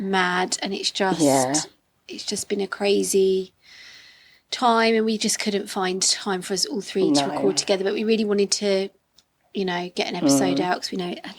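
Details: Adult woman speaking; Normal speech.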